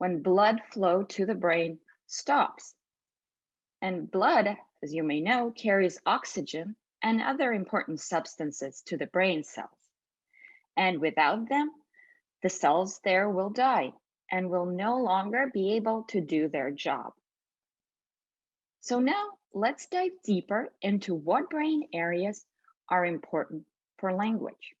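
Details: Adult woman speaking; normal speech.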